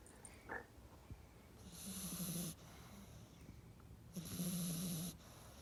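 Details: Dog asleep and dreaming: two long, rough, rumbling snores a few seconds apart, each with a rattling buzz on the in-breath; snoring.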